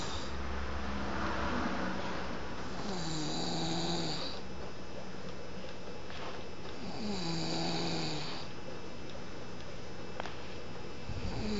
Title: snoring urcc champion